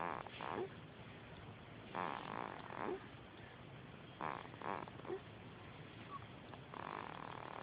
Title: Lol he's snoring